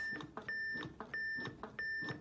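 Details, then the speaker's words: Repeated high, steady electronic beeps about every two-thirds of a second: an AED alerting after a shock was delivered, left on during CPR in an adult AED training demonstration. "We're just going to kind of let you hear that beep, but that's how you use an AED."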